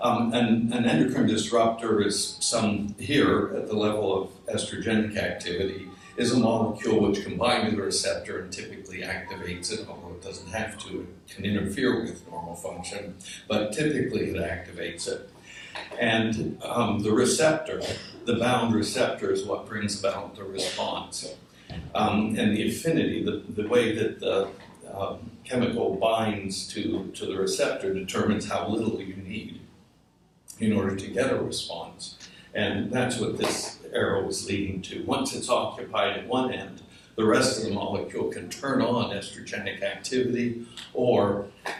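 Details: Adult man whose voice wavers from essential tremor, which also affects his hands and ended his surgical work; voice tremor (essential tremor).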